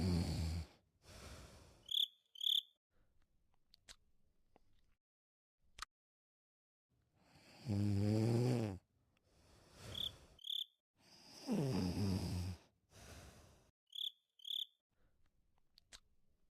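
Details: Snoring on a Thursday night: loud rattling snores recurring with quiet gaps, faint chirping in the background; snoring.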